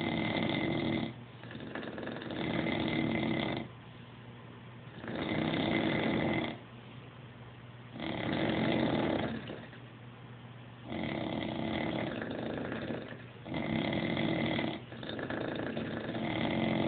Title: Synchronized snoring.